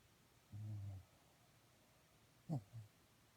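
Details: Dog snoring in a quiet room: a low, rumbling half-second snore on an in-breath, then a brief snort and softer puff about two seconds later.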